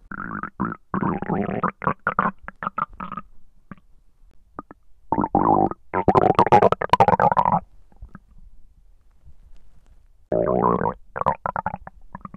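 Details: Noisy stomach recorded when trying to capture hunger sounds, described as digestion sounds: loud, bubbling, gurgling rumbles in bursts with quiet gaps; active bowel sounds (borborygmi).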